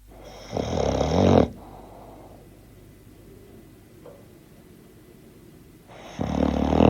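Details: Bulldog snoring: loud, coarse snoring breaths roughly five seconds apart, with a rattling, fluttering quality typical of a flat-faced dog.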